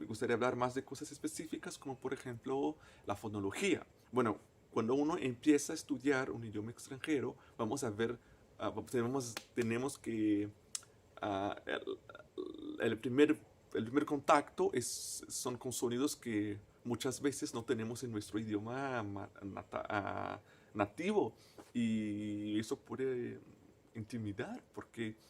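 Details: Stuttering with word and part-phrase repetitions in a male native Portuguese speaker speaking Spanish as a foreign language, who appears to stutter himself.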